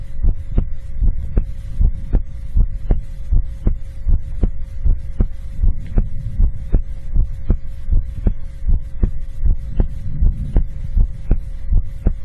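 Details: Heartbeat ASMR recording: a steady, regular heartbeat at about 79 beats per minute over a faint background hum; normal heartbeat.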